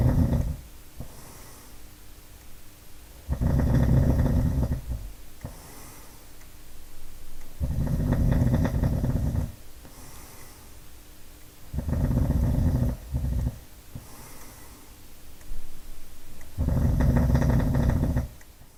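Loud, low rattling snores on each breath in, about three per minute, with quiet breathing out between them.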